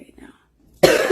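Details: After a quiet moment, a sudden loud, harsh cough burst from a woman smoker craving a cigarette runs to the end of the clip: smoker's cough.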